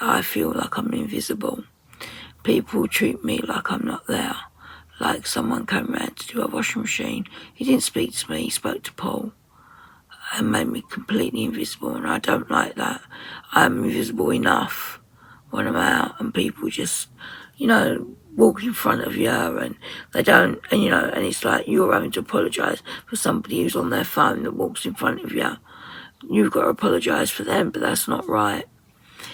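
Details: 57-year-old woman with voice dysphonia after COVID pneumonia, very tight, stressed muscles around the vocal cords, also affecting swallowing; ENT found mucus and laryngeal infection; in speech therapy; voice distorted, sometimes lost; muscle tension dysphonia.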